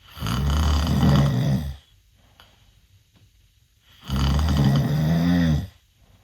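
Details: 16-year-old male sleeping with mouth open, snoring worse than a previous recording: two long, loud, rumbling inspiratory snores separated by quiet pauses; heavy snoring.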